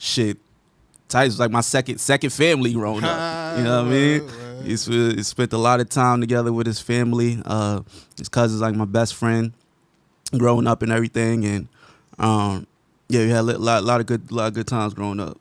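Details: Adult man speaking; conversational speech.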